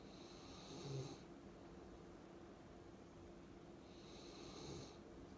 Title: Sleepy Giant Schnauzer snoring 😴